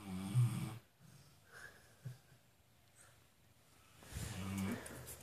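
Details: Two low, rattling snores about four seconds apart with quiet breathing between, in a quiet room; snoring.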